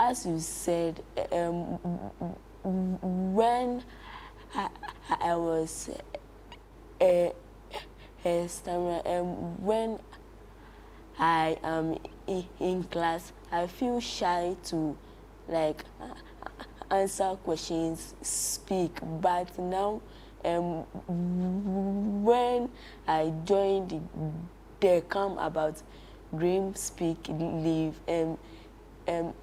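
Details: Child who stammers, attending a stammering support camp program; he reports prolongations, repetitions and blocks in his speech; stuttering.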